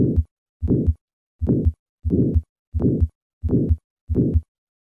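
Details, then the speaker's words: Aortic valve sclerosis, gradient under 25 mmHg (stage A aortic stenosis): regular heartbeat near 87 a minute with a soft systolic murmur peaking early in systole. "listen to a patient with aortic sclerosis and notice how the murmur peaks early in systole"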